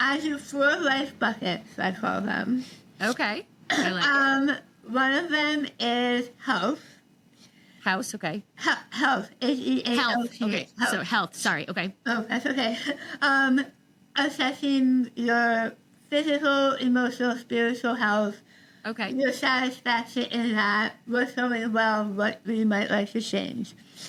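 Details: Adult woman treated for stage 4 tongue cancer: over half her tongue was removed and rebuilt with a forearm graft, plus neck dissection and six weeks of radiation and chemotherapy; some people cannot understand her; articulation disorder after partial glossectomy.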